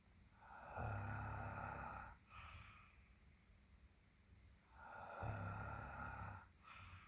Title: Ugh! more snoring!